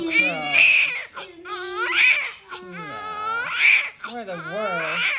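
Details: Newborn baby girl's first cry just after delivery, born under epidural: loud, high-pitched bursts of crying in repeated breaths; a strong, normal first cry.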